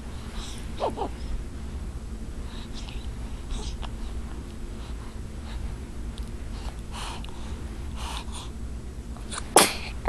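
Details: A single sharp, cute sneeze near the end, after quiet room noise and a few faint sniffs.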